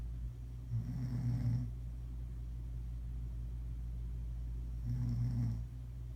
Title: Mom Snoring